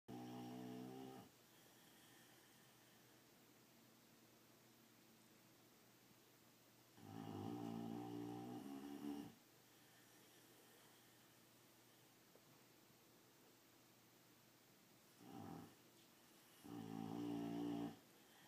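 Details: Boxer dog snoring loud enough to drown out the TV: loud, deep, rattling snores on the in-breath with quiet pauses between, about four in 18 seconds; ordinary snoring in a short-nosed dog.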